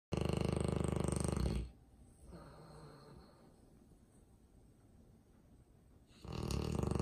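Two loud, rattling snores on the in-breath, separated by a quiet pause of several seconds with soft breathing: snoring.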